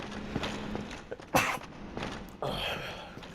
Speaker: Give me a minute, I'm gonna sneeze.